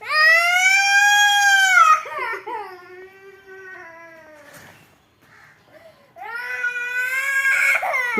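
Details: Young child crying over being denied jelly/jam: loud, long wailing bursts with a quieter whimpering stretch between.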